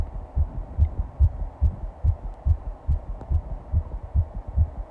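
Regular low thumping heartbeat at roughly 140 beats a minute, a fast heart rate.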